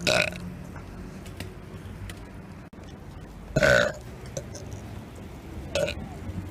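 Three loud, rough belches over street noise, each about half a second long.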